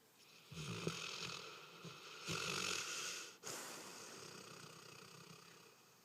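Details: Sleeping dog snoring with loud rattling, noisy breaths in a quiet room; ordinary snoring.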